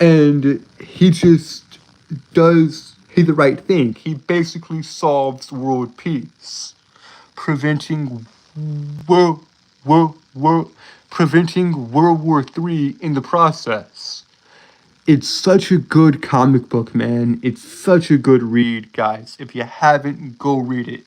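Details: Male streamer with a self-reported speech impediment that makes him stutter over his words; stuttering.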